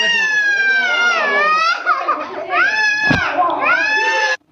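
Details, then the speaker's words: Loud, high-pitched sustained crying with sobbing breaks and hiccups from a baby girl during a traditional ear piercing with gold rings; she cried hard but held still. "పాపం చాలా ఏడ్చింది. ఒక side అయితే అయిపోయింది, మరి ఇంకో side కూడా ఉంది కదా. అంత ఏడ్చినా కానీ అసలు కదలలేదన్నమాట."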